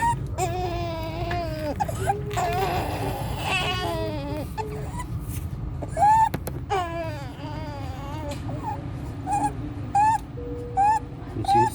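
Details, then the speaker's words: 14-day-old full-term newborn, after resolved meconium aspiration, making high-pitched crowing, cry-like noises with each labored breath, with severe chest drawing, suprasternal retraction and desaturation; inspiratory stridor. "You see severe chest drawing, suprasternal retraction, baby desaturation with the respiratory stridor."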